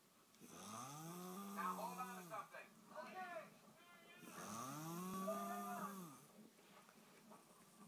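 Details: Loud, deep, rattling snoring on two long inhaled breaths, with quieter breathing and fluttering sounds between them; asks whether it sounds like a chainsaw or a bear.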